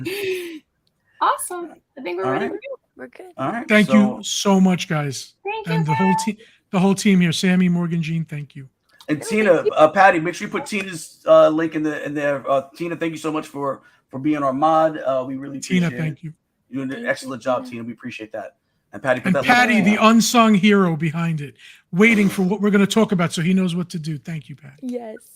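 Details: Adult man speaking; ordinary speech.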